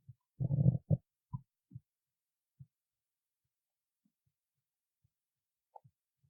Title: stomach growling 8